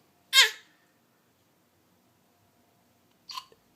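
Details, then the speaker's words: Hiccups in a child being asked "You got hiccups?"; the adult speaker says they have hiccups too and tries scaring them away; hiccups. "What you doing? You got hiccups? I have hiccups too. It's going around."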